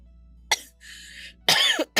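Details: Girl, sick and unable to get to a hospital, with her voice affected, coughing a couple of short coughs with a throat-clearing quality, with faint music between them: cough.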